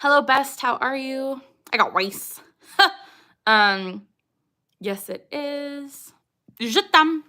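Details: Young woman with Tourette syndrome whose repeated tic phrases like "I got rice" and "Je t'aime" arise amid normal speech; she says suppressing tics is possible but challenging; vocal tics (Tourette syndrome).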